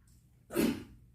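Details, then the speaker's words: A single short, deliberate cough on request during a core exercise, with fingers pressed into the lower abdomen between the hip bone and belly button to feel the muscle move. "And if you're not sure if you're doing the right of your fingers are here, then try to cough like"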